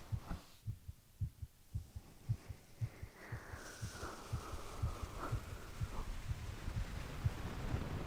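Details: Heartbeat recorded from a sleeping boyfriend: soft, steady low thumps at about 60 beats a minute, with a faint hum and background noise.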